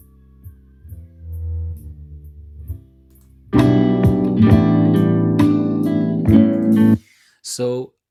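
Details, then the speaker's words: Soft music played through a simulation of bilateral moderate-to-severe sensorineural hearing loss from otosclerosis, starting with the right ear. Some instruments seem removed, leaving mainly the rhythm and a flat sound. "as I've mentioned before with music when you simulate music with these heing Rosses is as though some of the instruments are being taken away and you just get the Rhythm and a flat sound"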